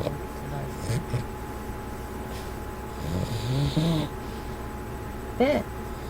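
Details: Boston Terrier asleep, snoring and then snorting when woken by his owner: low rumbling snores and snorts with a person's voice in the background; snoring.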